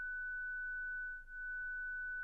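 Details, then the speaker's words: ZOLL Zenix hospital defibrillator/monitor with external paddles, 30-joule self-test: steady, unbroken high-pitched tone as the device charges and the apex paddle shock LED lights, before the shock is delivered. "Vérifiez que Zenix se charge, qu'un son continu retentit et que la LED de choc de la palette apex s'allume."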